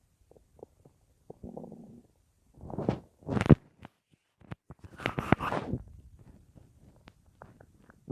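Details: Irregular gurgles and low rumbles from the abdomen: ordinary bowel sounds (borborygmi) at night in an adult lying on the left side, about an hour after soup with no full meal that day, phone or mic placed against the belly.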